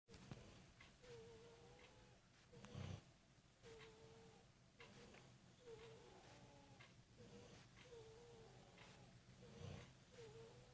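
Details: Husband's snoring during sleep, recently changed: quiet sleep breathing with a repeated high, wavering, wail-like tone and occasional low snorts, sounding like several people wailing; a whistling, moaning snore.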